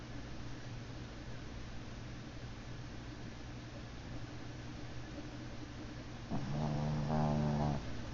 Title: Snores